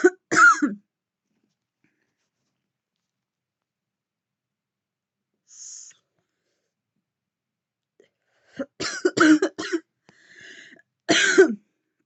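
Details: Woman coughing heavily while taking deep puffs on a vape: harsh, dry coughs in short bursts with long silences between clusters, an irritant coughing fit after inhaling vapor.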